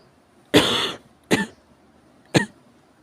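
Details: Severe cough: three harsh coughs, the first longer and rasping, the next two short and sharp, in a quiet room.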